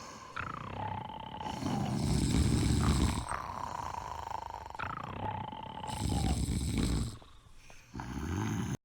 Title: 4 hours of sleeping girls fell asleep and snoring